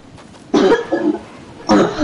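Two harsh cough bursts about a second apart against quiet room noise.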